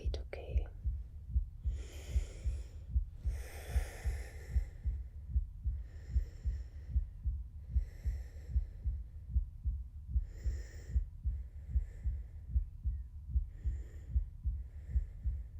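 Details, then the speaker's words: Steady, regular, low heart thumps at about 75 beats a minute through a stethoscope on the chest, with soft whispering over them, during a role-played ASMR nurse examination; a regular heartbeat. "This may feel a little bit cold on your chest. So, just breathe in and out as I listen to your heartbeat."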